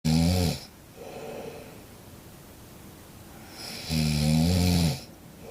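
Two loud, low, rattling snores on breathing in, separated by quieter breathing out; ordinary snoring in a sleeping cat.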